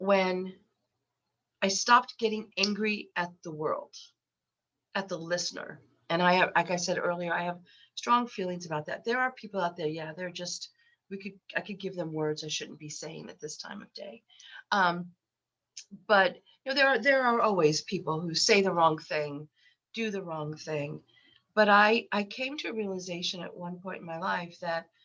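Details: Woman aged 63 with lifelong stuttering, very repetitious with eye closure, worse when unwell, with a summer cold and after COVID; stuttering.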